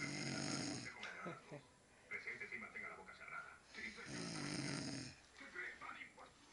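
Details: Man (brother) asleep after New Year's parties: two long, rough, rattling breathing sounds about four seconds apart with quieter breaths between; snoring.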